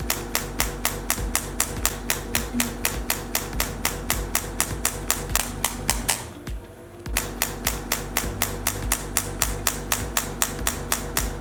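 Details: Radial shockwave therapy handpiece (ESWT machine) firing, with gel applied and the head held against the skin over the trapezius muscles: rapid, even, sharp tapping pulses of about four per second with a brief pause, over background music.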